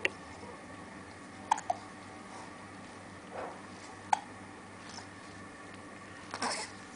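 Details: Hiccups: short, sharp hiccup clicks at irregular intervals in a quiet room.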